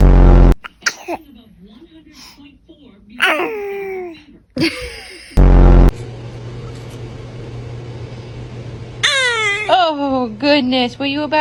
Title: Newborn Sneezing 🤧